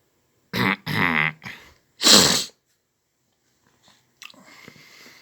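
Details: Cough on waking after four hours' sleep, with sneezing and a feeling of being run down: two or three short harsh coughs with a throat clear, then quiet room noise.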